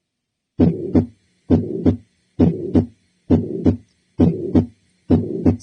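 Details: Systolic ejection murmur, regular heartbeat about 67 a minute, with a rough whooshing sound filling the gap between S1 and S2; teaching recording contrasted with a diastolic murmur.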